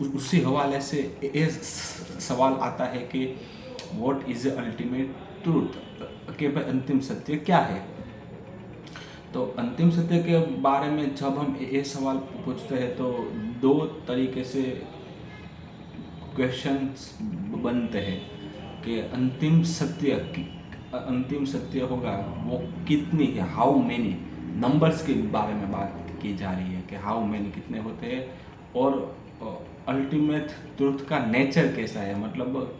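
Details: Adult man with a stammer doing story-telling practice in Hindi on day 6 of a daily stammering practice routine; repetitions and revisions are heard; stuttering.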